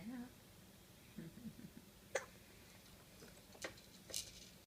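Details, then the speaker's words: Sleepy infant in a Jumperoo in the morning with hiccups: a few sharp, brief, irregularly spaced hiccups with faint baby vocal sounds and room noise. "we got hiccups in the Jumperoo this morning"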